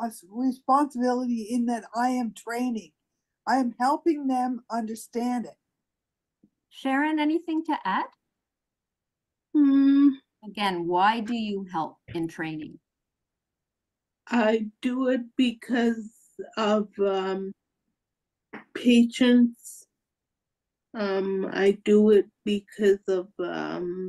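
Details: Real person with aphasia, a member of an aphasia institute; aphasia with word-finding pauses.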